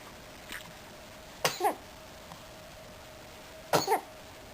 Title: double sneeze